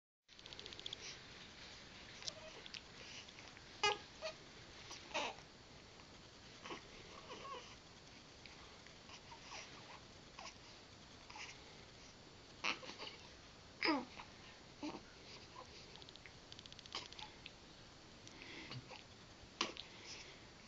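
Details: Infant sneezing: several small, sharp baby sneezes in a quiet room with faint soft baby sounds.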